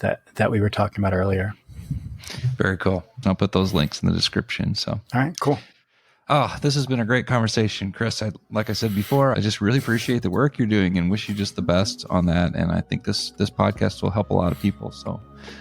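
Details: Adult man; normal speech.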